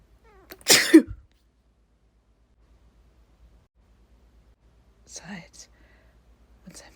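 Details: Person deliberately inducing sneezes by tickling inside the nose: a quick in-breath, then one sharp, explosive sneeze, followed by quiet and soft murmured talk.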